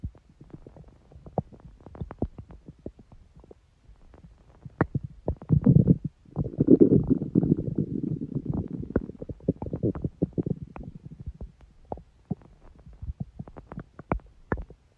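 Low gurgling and rumbling from the belly with scattered pops and one longer growl in the middle; ordinary stomach growling.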